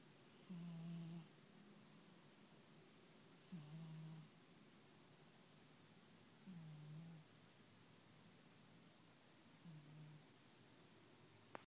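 Four low, droning snores about every three seconds, roughly 20 a minute, over a steady hiss: snoring.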